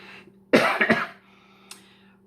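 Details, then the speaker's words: Cough from a cat: short burst of three quick, harsh coughs over a steady low electrical hum in a quiet room; owner says more coughing may follow. "vous prie d'excuser Matou. Alors, il risque d'avoir d'autres toussements au cours de l'enregistrement."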